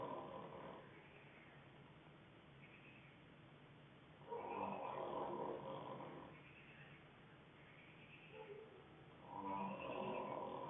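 Rough, rattling breathing noises in slow cycles, loud bursts about every five seconds, roughly 12 breaths a minute; typical snoring.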